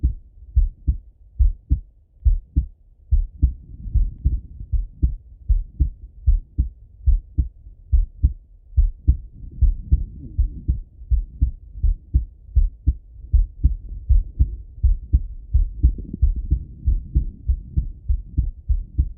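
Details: Male heart auscultated with a stethoscope, recorded either sitting at a desk or lying in bed: steady, regular lub-dub at about 75 beats a minute; normal heart sounds.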